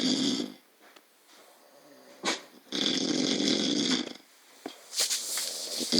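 Loud, harsh, rattling snores in two long bursts separated by quieter noises: snoring in a sleeping animal.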